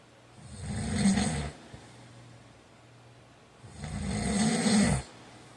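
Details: Sleep snoring: two loud, rough, rattling snores on breathing in, with quiet pauses between them.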